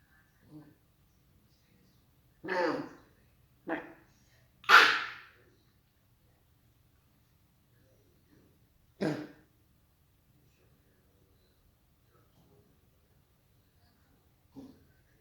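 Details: A dog gives several short, harsh coughing bursts separated by quiet pauses: cough.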